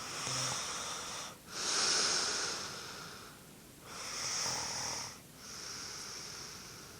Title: Snoring